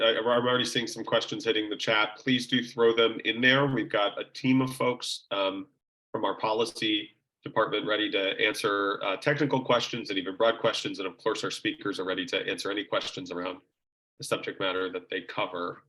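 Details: Adult male speaker; Normal voice.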